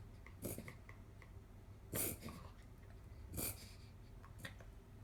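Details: A dog's reverse sneezing: repeated short, harsh, pig-like snorting pulls of air through the nose in quick succession; a vet said no treatment is needed unless episodes are very frequent.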